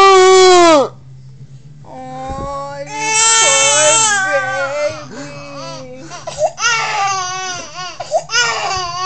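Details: An infant cries loudly in bursts with a wavering, sliding pitch and a strained, unusual vocal quality over a steady low hum; infant cry with unusual vocal sound.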